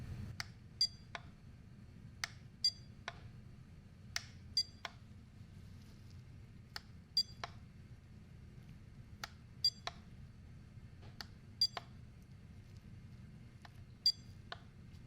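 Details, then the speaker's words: Simulated ASMR roleplay medical exam hearing test: short soft beeps in small groups every couple of seconds, played to both ears, with the patient asked to count the beeps and say which side. "hearing test, but this time it's going to be a beep test. So when you hear the beep, tell me how many times you hear the beep, okay?"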